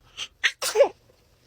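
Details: A single infant sneeze: two quick catching breaths, then a sharp sneeze ending in a brief voiced squeak.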